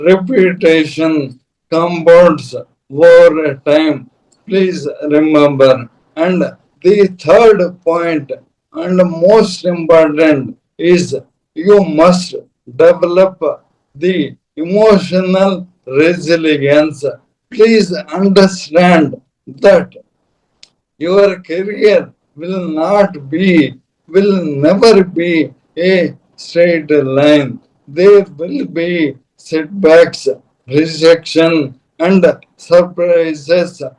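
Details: Dysarthria from motor neuron disease (ALS) in an adult man who says he developed Parkinson's from 2022, diagnosed late, which severely affected his mobility and speech, and who was later diagnosed with ALS.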